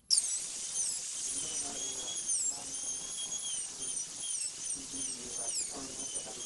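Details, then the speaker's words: Steady high-pitched whine with small pitch dips as a football-shaped diamond bur reduces the lingual surface of a maxillary incisor by 2 mm for a PFM crown; high-speed dental drill. "using the football-shaped Dimond reduce the rest of the lingual surface by two millimeters to follow the contour of the tooth"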